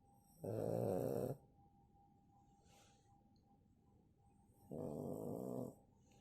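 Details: Pug snoring while asleep: two loud, rattling, buzzy snores about four seconds apart with quiet breathing between; snoring in a flat-faced dog.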